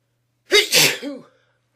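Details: Person trying not to sneeze: a single sharp, partly stifled sneeze with a brief voiced tail.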